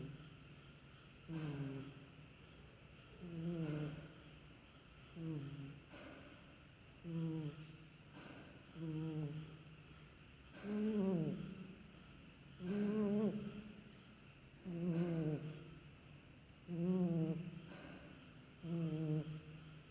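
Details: Regular rattling snores on each in-breath, about 30 a minute, with quiet pauses between, during steady sleep; snoring.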